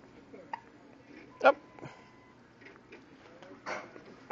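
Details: 9-day-old baby boy with hiccups: two short, abrupt gulping sounds a couple of seconds apart in a quiet room.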